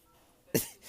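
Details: Adult man (a father) coughing loudly and somewhat uncontrollably, possibly after swallowing something down the wrong way, before a sneezing fit, with dogs nearby: one loud, abrupt, forceful cough burst.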